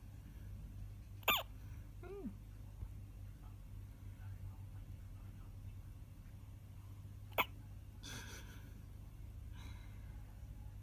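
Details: Baby hiccupping: two sharp, brief hiccups about six seconds apart, each followed by soft infant vocal noises, over steady low room hum; hiccups.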